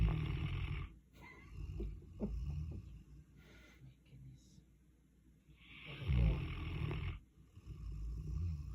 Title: Snoring Boss. . we miss u so much. #dog